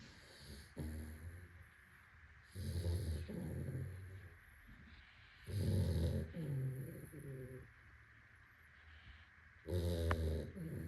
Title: @Bruno_.it_is is snoring 💤 out loud while sleeping 😴 | Labrador | Dog Snoring | Sleeping